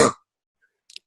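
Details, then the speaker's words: Adult imitating the choking sound a person with obstructive sleep apnea makes at night when the airway repeatedly collapses; a simulated OSA choking event, not a real patient recording. "what's happening is the airway is collapsing frequently and the person then chokes and the kind of sound it makes is something like"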